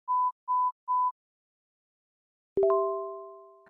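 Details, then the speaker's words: AirPods Pro earphone pure-tone hearing test, ears tested separately starting with the left, tap on hearing each tone: three short steady beeps, then a pause and a chime. "两边耳朵分开测试首先测试的是左耳每当听到声音就点击屏幕要集中注意力仔细听有声音点屏幕测好左耳之后右耳也是同样的流程"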